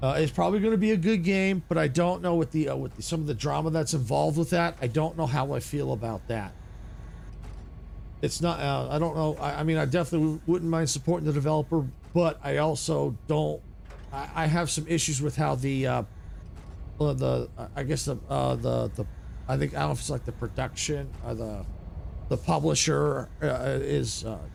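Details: Adult male with a natural stutter that began in childhood, went away, and is returning as he gets older; he says typos or game autosaves can trigger it: stuttering.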